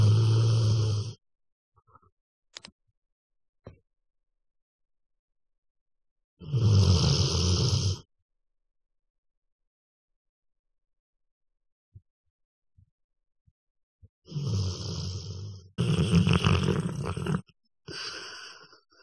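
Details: Heavy snoring: loud, deep, rumbling snores of one to two seconds separated by long silent gaps.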